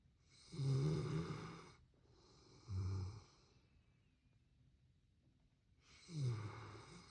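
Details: Sleeping Labrador dog snoring: deep, rattling snores on slow breaths, three in about seven seconds, with quiet pauses between; snoring.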